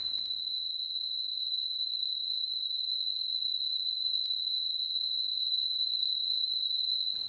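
A steady, piercing high-pitched tone sustained without break for about seven seconds, a simulation of the ringing heard in tinnitus.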